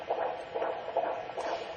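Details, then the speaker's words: Fetal heart tones on Doppler at term, counted over several six-second segments across different positions as the baby moves; rapid, regular whooshing pulses with fetal heart rate in the 140s, normal range. "I have different positions usually counted for 15 seconds it's about ecology yet this baby's heart rates running in the 140s"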